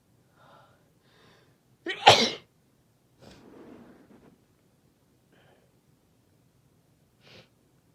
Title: Induced Sneezing (F)